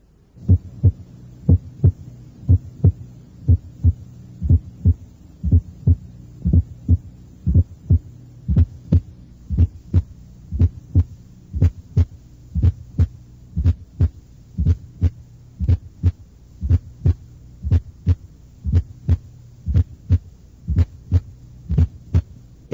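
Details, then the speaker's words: Teaching recording at the apex: normal first and second sounds about 60 a minute, then a left atrial (fourth) sound added just before the first sound, louder on expiration; atrial gallop. "no no hay un ruido auricular izquierdo que es más intenso durante la espiración el primero y segundo ruidos cardíacos son normales"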